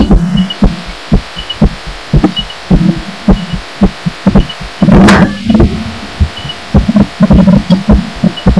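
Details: Own heartbeat felt and recorded through a pillow while lying down, audio amplified; recorder wonders about arrhythmia, sounding odd toward the end: muffled thumping about 110 a minute with uneven spacing and rustling.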